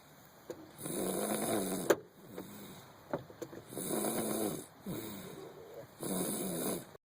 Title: Snores Like A Grown Man